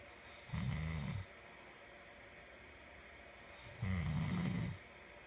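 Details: Sleeping person snoring: two low, rattling snores on breathing in, about three seconds apart, over steady room hum.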